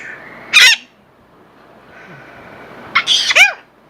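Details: A pet bird (Petey) gives two quick, sharp, high-pitched sneezes, the second followed by brief chirps, over a faint room hum.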